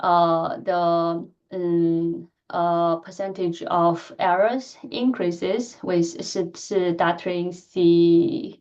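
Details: Adult woman who stutters, speaking during a lecture; she says her stuttering pattern varies with the listener and the situation; finding: stuttering.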